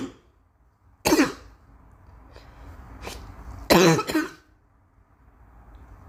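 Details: Girl coughing: three harsh cough bursts in a quiet room, the last two close together.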